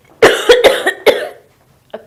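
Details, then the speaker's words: A quick run of about four dry, forceful coughs, deliberately imitated (simulated) by an adult woman demonstrating a cough. "if you have a cold if you smoke a lot you will cough if you cough it's no big deal"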